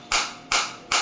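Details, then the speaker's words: Focused (not radial) shockwave therapy device, Biotronix, firing on the operator's own arm at intensity about 5–10; sharp regular clacking pulses about two or three a second, felt deep in tissue. "देखो बिल्कुल focus shock wave आ रही है 5 उसकी मेरे हाथ में, मेरे को फील हो रही है।"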